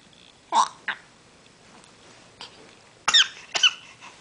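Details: A few short, sharp, high-pitched coughs or hiccup-like bursts in a quiet room.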